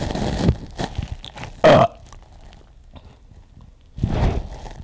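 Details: Adult deliberately forcing burps after drinking water: a brief loud gulping belch among softer ones; ordinary belching (eructation).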